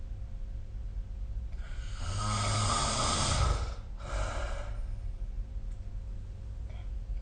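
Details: Snoring recorded with the SnoreLab app: a single low, rattling snore on the in-breath followed by a softer out-breath, over steady room noise.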